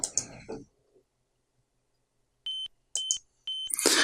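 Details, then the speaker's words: Tafonius veterinary ventilator with no patient connected, delivering a 2-litre ventilated breath within the 12-litre piston volume: three short high-pitched beeps after brief speech, the low breathing pressure alarm. "As there was no patient connected, we get a low breathing pressure alarm."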